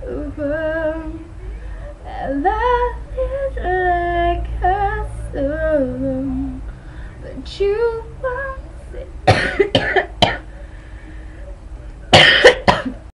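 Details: Child singing, then a coughing fit of two bursts, about six harsh coughs in all.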